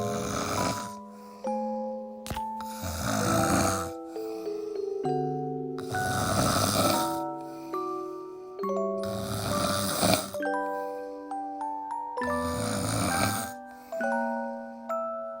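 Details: Loud, rough snores about every three seconds under overlaid chime-like music, a husband snoring during sleep; snoring.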